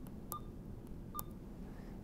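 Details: Two short electronic keypad beeps over quiet room hum as the 100 mL volume to be infused is entered for a secondary IV line on an infusion pump set to 200.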